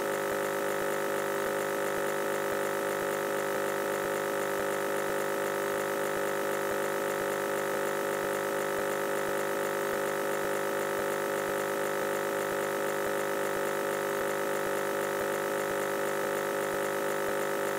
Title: WRONG WHITE NOISE | Irregular Nebulizer sound | EXPERIMENTAL!!